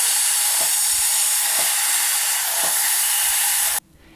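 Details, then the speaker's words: Dental polishing handpiece (prophy angle, with brush or cup) polishing the teeth of a patient with braces during a cleaning: steady high-pitched hissing whir, stopping abruptly near the end. "it can be done with either a profi angle with a brush on it like you can see here or it can be done with a regular profe angle like you can see here"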